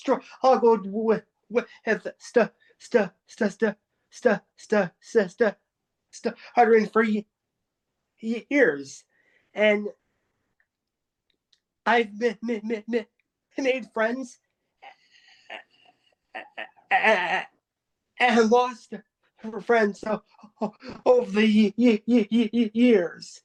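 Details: Adult who stutters, speaking at a stuttering support-group meeting, with repetitions and filled pauses; stuttering.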